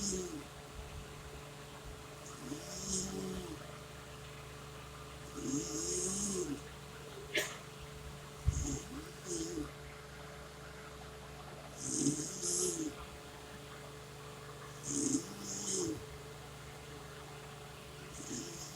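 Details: Mother's repeated snoring breaths, roughly every three seconds, with small grunting and squeaky noises from her 4-day-old newborn, who seems irritated by it, over a steady room hum: snoring.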